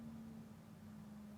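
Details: Steady low hum with a faint hiss of suction: endoscopic microsuction removing a dark, dried ear-wax plug lodged at the S-bend of the ear canal.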